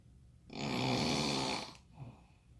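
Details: A single long, harsh rattling snore on the in-breath, followed by a quieter breath out: snoring.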